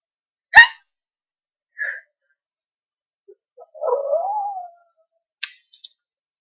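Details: Hiccups: one sharp hiccup followed by a softer one, then a brief voiced sound and small clicks.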